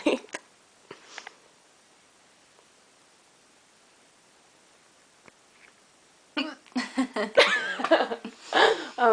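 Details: Several short, abrupt hiccups from a woman in a quiet room at night, followed by talk and laughter from her and a companion; hiccups.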